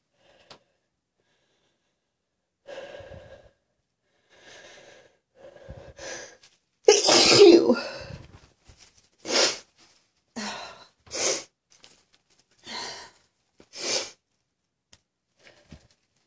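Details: Person sneezing: sniffling and drawn-in breaths build to a loud sneeze, then about five more sharp sneezes in quick succession in a quiet room.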